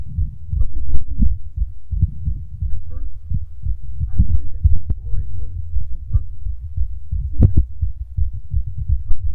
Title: Male's Fast Heartbeat Picked Up By Mic